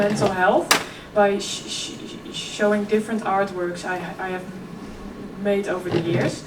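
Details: 26-year-old woman who has stuttered since early childhood: effortless as a child, covert stuttering at ages 11–15, now more struggled. She speaks at a keynote on stuttering and OCD. Stuttering.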